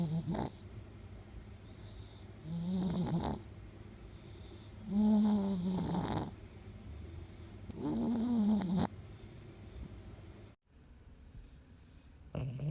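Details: 10-year-old female Chihuahua–Shih Tzu mix sleeping with her tongue sticking out: loud, deep rattling snores with each breath in, about four over twelve seconds, quiet pauses between; snoring.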